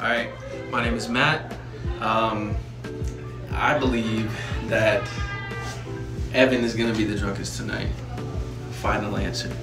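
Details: Adult man; no speech disorder.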